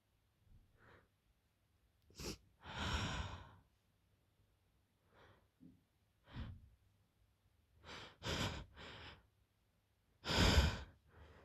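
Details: Hay fever sneezing fit during rising pollen levels in Greece: a run of several sharp sneeze bursts with breathy inhalations between them.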